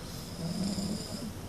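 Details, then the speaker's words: Sleeping person caught snoring after denying it, "snoring like King Kong": low, rough, droning breath noise against steady room noise. "Next time, don't tell me you don't snore because you snore like a motherfucker right now."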